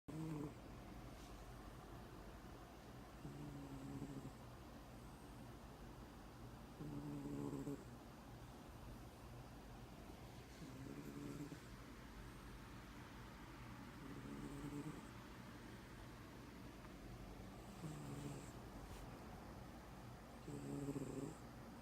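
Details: Sleeping pet snoring: regular, low, rumbling snores, about 19 a minute, much like a human snorer.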